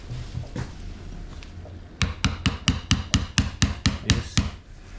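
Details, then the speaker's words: Surgical mallet driving an osteotome to slowly loosen a bone block after sawing during graft harvest (STG, BPTB and QTB grafts demonstrated): about ten sharp metallic taps at a steady pace. "Nu ved jeg godt, den er lidt for bred det her sagkling, men n man køre med 10 mm sagblade. Karen, kan du ikke lige hamre på den der?"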